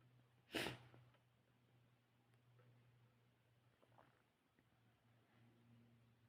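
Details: A single sharp, explosive sneeze, then quiet room hum.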